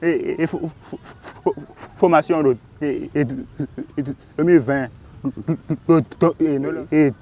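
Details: 20-year-old man who has stuttered since age 7 and tries to hide it in daily life: stuttering.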